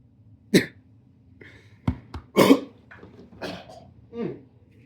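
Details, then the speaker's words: A 25-year-old man gives a short run of harsh, rough coughs with throat clearing, a smoker's cough. "That smoker's cough, boy."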